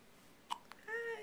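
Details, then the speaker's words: Newborn girl's first hiccups on day one of life: sharp, brief hiccup bursts. "This is cute. No gratuitous shots. You guys are too cute. Look at your hiccups."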